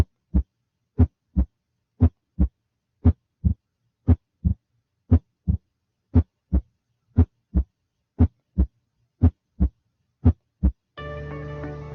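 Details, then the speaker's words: Regular heartbeat about 60 a minute, crisp paired sounds each followed by a faint low thud, with a steady hum at the end; third heart sound from rapid early passive ventricular filling, a teaching example. "Tercer ruido cardíaco es el sonido del llenado rápido en la fase pasiva temprana del diástole ventricular."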